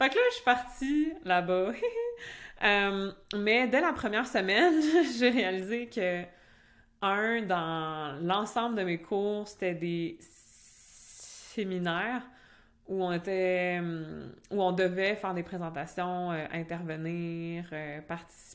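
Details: Stuttering in an adult French-speaking (Québec) woman who stutters, which began in childhood; she also had a speech sound disorder as a young child.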